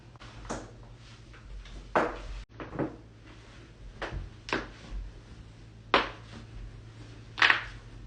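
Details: Loud back crack and more joint cracking in a compilation; several sharp pops and cracks in a quiet room, joint cavitation during manual adjustment.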